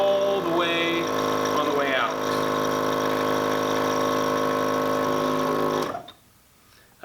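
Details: Steady buzzing motor hum with a brief rising whine early on, then switched off, as a portable suction unit is demonstrated in EMS airway suctioning training; portable suction unit running.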